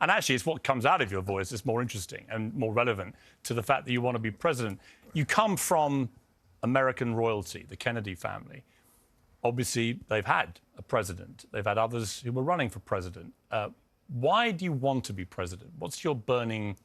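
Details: Adult male interviewer; normal voice.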